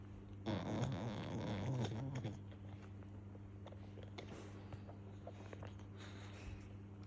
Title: English Bulldog Puppy Making Funny Noises and Snoring - Banjo The English Bulldog #Shorts